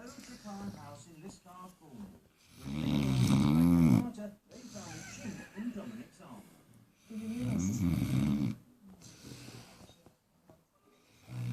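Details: A sleeping 4-month-old Great Dane puppy gives rumbling, fluttering snores on the in-breath, with softer snuffling breaths between them and room background audible: snoring.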